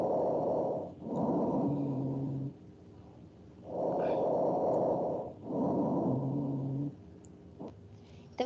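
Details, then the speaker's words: Rhonchi from a nursing semiology class: low, coarse, snoring-like rumbles through repeated breaths, from partial obstruction of larger airways and bronchi. They are common in pneumonia and bronchopneumonia and may clear after coughing. "Então são sons é bem parecidos com o ronco habitual vamos ao escutar esse som"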